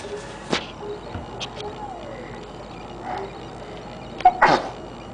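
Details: Young child sneezes once sharply near the end, getting snot all over, against quiet household background noise; sneeze.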